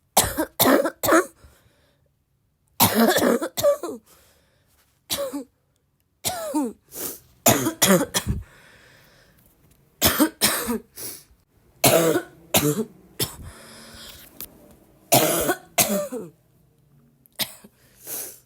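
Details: A person who is still sick coughs a lot: repeated bursts of harsh coughing in quick clusters with brief pauses, in a quiet room.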